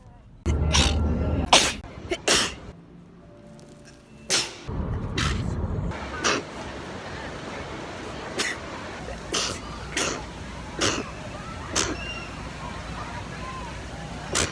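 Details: Repeated sharp, explosive sneezes over steady vehicle noise while travelling in 2018; real, unstaged sneezing.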